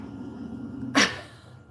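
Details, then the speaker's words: Dog sleeping behind the speaker, snoring. "can you hear him snoring he is so freaking cute I can't I can't take it"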